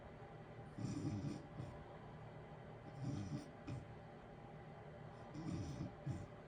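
Soft, low snoring breaths about every two to three seconds over a steady heater hiss.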